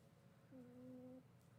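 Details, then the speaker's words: Faint wheeze from a small pet dog whose legs are getting better: a soft, steady whistling tone lasting under a second against quiet room noise. "I don't know if you'll hear him, but he is wheezing a little."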